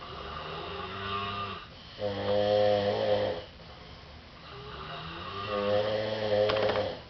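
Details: Two men asleep in a living room snore with different snores and breathing patterns. Loud rattling snores come on each breath, about 18 a minute, with overlapping snores of different pitch. Snoring duet.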